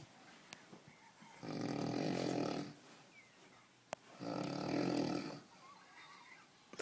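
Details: Snoring recorded in Tallinn, described as newly taken up: two loud, rough, rattling snores on the in-breath about three seconds apart, with quieter breathing between.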